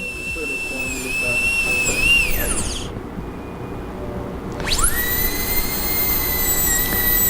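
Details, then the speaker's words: Dental high-speed drill whine drops, quiet about two seconds, then spins back up to a steady shrill whine, preparing tooth 45 on a mannequin for a partial-coverage metal-ceramic crown, moving from proximal to occlusal reduction. "Reduzido a primeira inclinação da metade vestibular da proximal, com uma broca inteira, passamos para a redução oclusal."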